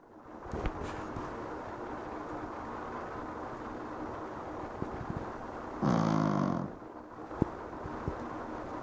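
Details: Dog snoring deeply while asleep on a cushion, with television and air conditioner running: a single deep, rattling snore under steady room hum and faint TV sound.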